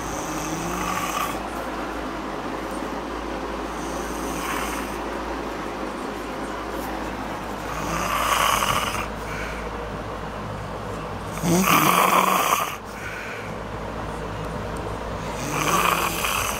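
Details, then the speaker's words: Woman sleeping out cold, snoring with a fan running and a window partly open on a very cold night; rough, rattling snores recur every few seconds over the fan's steady hum. "Fan is going. It's like 0 degrees outside. That window we got open part way. And she is snoring."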